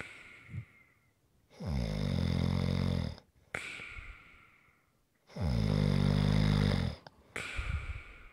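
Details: Deep, rattling snores on each in-breath with softer airy out-breaths, about two full breaths heard; snoring, recorded as relaxation sounds.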